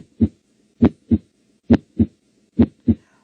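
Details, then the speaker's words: First-aid class on manual blood pressure measurement: stethoscope diaphragm at the cubital fossa, cuff inflated to 200 and slowly deflated; regular soft thumps at about 67 a minute, Korotkoff sounds marking systolic pressure, with example reading 140/50. "Põe o esteto no ouvido, vai lá na fossa cubital, coloca o diafragma do esteto, né? E solta a válvula devagar. E aí você vai ouvir, né, o batimento cardíaco."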